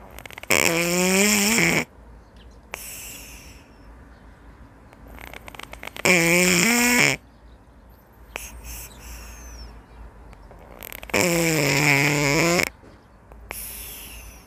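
Slow, regular noisy tones with quiet breathing between, about 11 per minute: a napping cat snoring.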